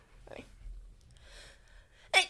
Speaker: don't you have a [ __ ] fake sneeze yeah it's really good y'all want to hear it